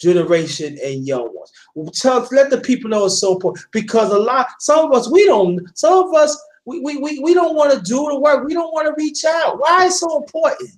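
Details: Adult speaker; normal voice.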